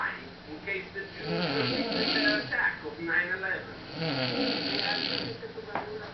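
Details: Loud, rough, rattling snores in repeated breath cycles with snorting on the in-breaths, from a man passed out asleep after a night of heavy drinking; snoring.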